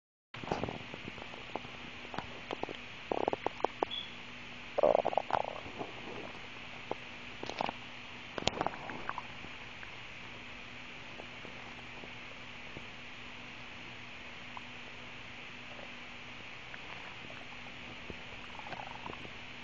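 Irregular gurgles and bubbly rumbles from the abdomen, ordinary bowel sounds after a fizzy drink.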